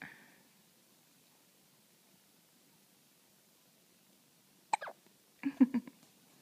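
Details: A quiet room, then a sharp hiccup followed by a short cluster of small catches, from a one-week-old: hiccups.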